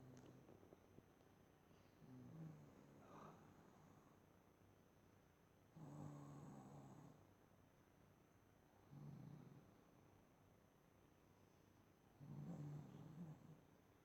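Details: Mother snoring on the couch, sounding like a growling demon: repeated low, growling snores on inspiration, about 17 breaths a minute, over faint room hum.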